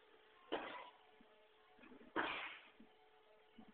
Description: coughing. This is one or three videos I took the other day.